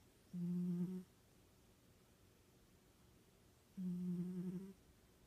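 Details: Snoring during sleep: two low, steady humming snores about three and a half seconds apart, with quiet between them in a small room.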